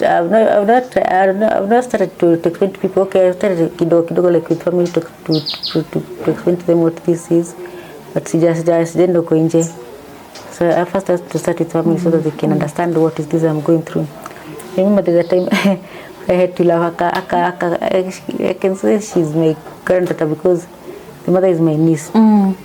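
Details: Adult woman, mother of two, with Parkinson's disease: symptoms since 2019, first misdiagnosed as a pinched nerve, diagnosed 2022. She says her medication makes her tongue heavy and her speech has changed; hypokinetic dysarthria (Parkinson's disease).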